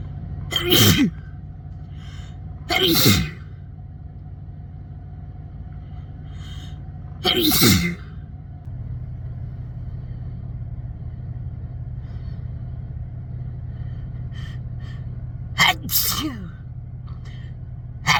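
Five sharp sneezes over steady low engine rumble, some paired and partly restrained; ordinary sneezes.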